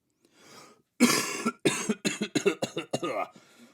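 One strong cough followed by a rapid run of about seven short coughs, acted in a comedy sketch.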